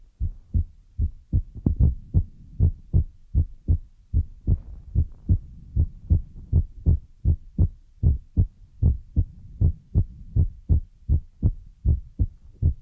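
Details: ASMR relaxation recording with a heartbeat trigger among feather, brush and ear-massage sounds, from a Chinese young woman: steady, regular low paired thumps at about 77 beats per minute, a plain heartbeat.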